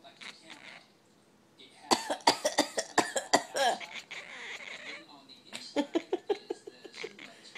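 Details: A cat (kitty) coughing: about three bouts of short, harsh, rapid coughs with hacking breaths between.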